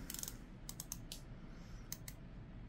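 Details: Quick series of small mechanical clicks as a V2 injector pen preloaded with retatrutide is dialed to 20 units before injection, each click being one unit.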